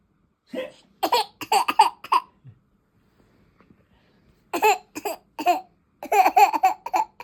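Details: Toddler boy with hiccups and laughter: short giggle bursts with abrupt hiccup catches between laughs, no crying; ordinary hiccups.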